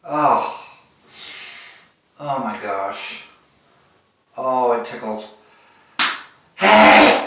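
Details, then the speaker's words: Man sneezing after sniffing pepper, already sneezing all day, before putting on a mask: several wind-up 'hey' inhalations building to two sharp, explosive sneezes; a bout of repeated sneezing. "i'm here with you sneezing my ass off but i'm going to attempt to uh put a covered mask on and i've got some pepper here i want to sniff too before i put it on loud they're loud today that's a big one oh god that comes from my toes all the way up"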